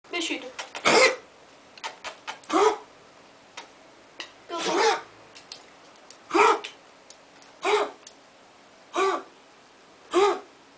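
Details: Dog with a cold coughing repeatedly: about seven short hoarse bursts with a gasping, human-like voiced edge.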